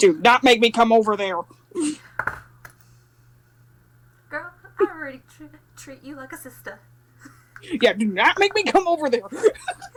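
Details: Adult speaker; normal speech.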